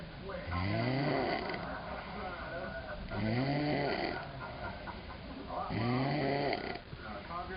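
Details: Adult man asleep, recorded in New Orleans: loud, regular snoring with a rising, groaning tone on each breath, about three snores in seven seconds. Heavy snoring.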